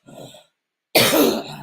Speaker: I apologize for coughing. It sounds like I sound like a truck driver, but anyways, it's just when I start talking, it happens like that. And then it eventually goes away.